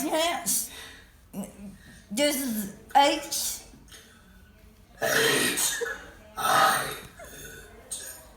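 Repeated deliberate voiced burps shaped into letter sounds, with laughter between them; voluntary belching as a trick.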